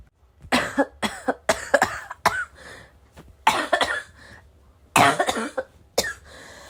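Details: Adult who vapes, unsure whether the cough comes from vaping or from getting sick: about eight harsh, barking cough bursts with throat clearing and sniffs; heavy barking cough.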